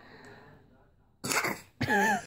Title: Fake sneezes are just so funny!